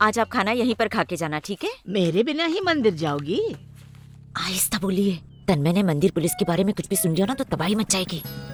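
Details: Adult speaker, dubbed film dialogue; normal speech.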